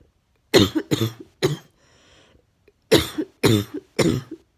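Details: Person coughing: two clusters of three sharp, harsh coughs separated by a quiet breath, six coughs in all.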